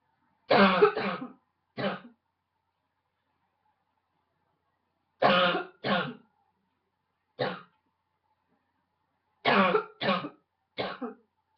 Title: Barking cough - # 10